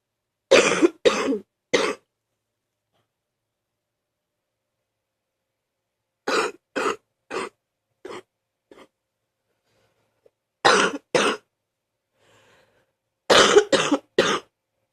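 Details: Repeated bouts of deep, loose adult coughing while sick, a wet productive cough bringing up mucus.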